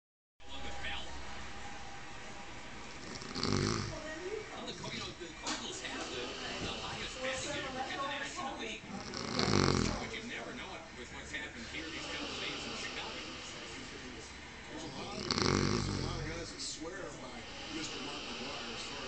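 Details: Deeply asleep person snoring: three loud, rough snores about every six seconds over steady background noise.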